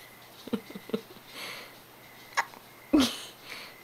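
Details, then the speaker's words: Several short, sharp, jerky hiccup sounds with brief quiet gaps between them in a small room, from a person with hiccups. "hi do you have the hickup"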